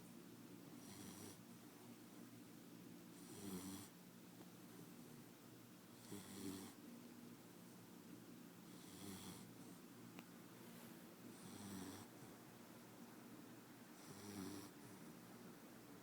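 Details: Soft, rhythmic snuffling snores about every three seconds, roughly 23 a minute, from a sleeping puppy tagged as bulldog and German Shepherd; snoring.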